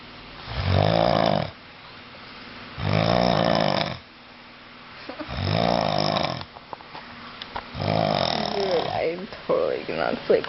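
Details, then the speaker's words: Four loud, rough, rattling snores, one with each inward breath at about 25 a minute, with quiet exhalations between, from a deeply sleeping adult man who will not wake, in a small room: loud snoring. "Dude, you're snoring like a fucking maniac right now. And you will not wake up for anything."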